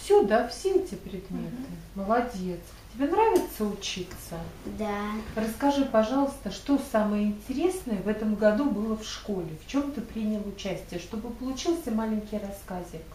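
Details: Adult woman; Normal adult speech.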